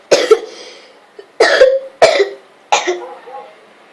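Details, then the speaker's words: Adult with asthma and a persistent cough, filmed seated on the toilet, gives four sharp coughs in quick succession, somewhat harsh with a rough, slightly wet tail. "So yeah, I haven't really been able to make videos that much because of my nasty cough, and I want my videos to be as best as they can, which I've already mentioned."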